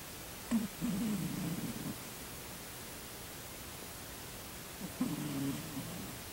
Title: Spunkins the Cat Snoring, Dearborn, MI, March 23, 2015